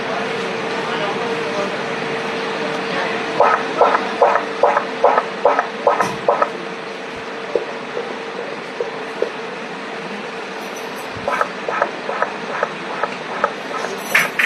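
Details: Doppler fetal heart sounds in a twin pregnancy: two bursts of fast, regular fetal heartbeats, one from each twin, over a steady machine hum.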